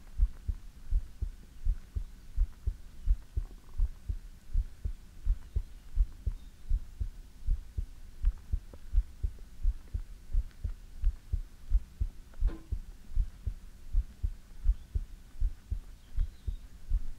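Steady, regular low thumping heartbeat at about 85 beats a minute, with a soft hum behind it.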